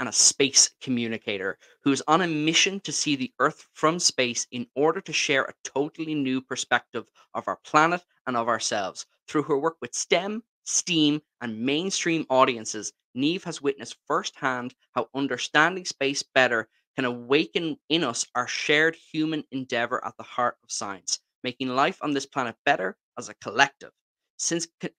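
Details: Adult speaker; normal voice.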